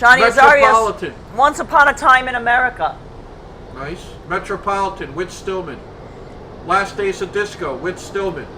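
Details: Adult speaker, outdoors; normal speech.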